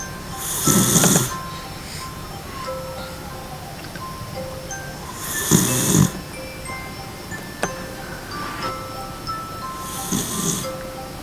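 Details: Dachshund asleep on a couch pillow, snoring for hours: three loud, rough snoring breaths about every five seconds, roughly 12 a minute, over soft chiming background music.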